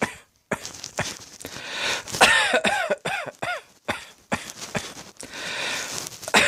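Repeated harsh coughs in quick runs, some with a strained voiced edge, about a dozen in six seconds.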